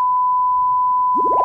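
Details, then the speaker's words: Pure-tone audiometry test tone, a steady beep-like tone played through headphones in a demonstration of testing a newborn's hearing, whose response cannot be known this way. "신생아 청력 검사를 해봅시다. 헤드폰을 씌우고 소리를 들려줍니다."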